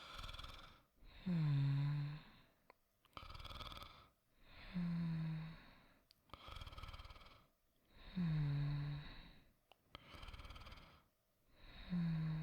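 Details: Simulated snoring voiced by an actor for a sleep roleplay: soft, regular acted snores, about four breaths in 12 seconds, throaty rattle on each inhale, quiet exhales.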